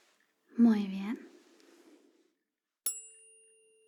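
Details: Simulated hearing test in an ASMR roleplay: brief speech, then a tuning fork struck to test high tones, giving a clear ringing tone that slowly fades; the listener is asked which ear heard it.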